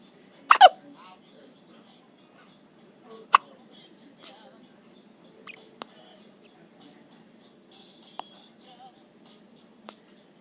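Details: Charlotte's hiccups on day 15: brief, sharp catches repeating every one to two seconds, about seven in ten seconds, in a quiet room.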